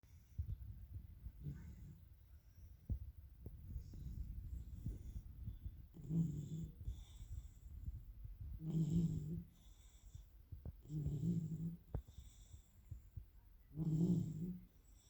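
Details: Sleeping Labrador puppy snoring: low, irregular, snorting snores a few seconds apart, with some rustling between them.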